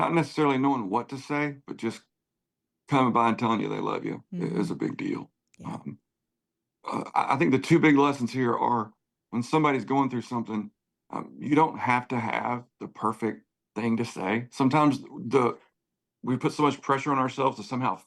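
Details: Adult male singer with spasmodic dysphonia, worse when talking than singing, voice goes gravelly at times, sees a voice therapist before concerts, prior cancer diagnosis and treatment; spasmodic dysphonia.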